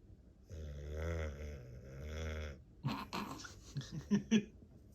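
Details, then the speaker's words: Sleeping dog, worn out after a busy day: two long, rough, rumbling breaths, then short snorts and smacking as if eating in a dream; loud snoring. "He's back to being quiet. He's back to quietly snoring."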